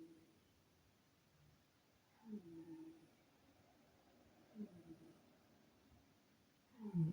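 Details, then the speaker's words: Quiet, low rumbling snores from a sleeping pet cat, one roughly every two and a half seconds, over faint room hiss; snoring. "J'ai mon chat qui ronfle, je ne sais pas si vous l'entendez, mais..."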